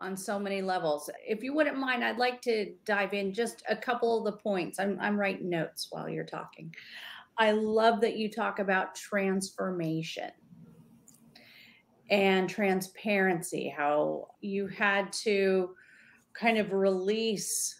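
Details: Adult woman speaking; normal speech.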